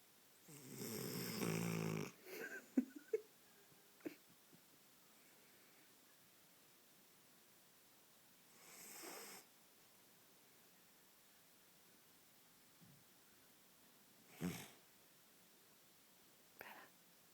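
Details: Female Boxer dog puppy asleep, with a loud rough snore, then quieter snuffling breaths and short snorts spaced several seconds apart in a quiet room; snoring.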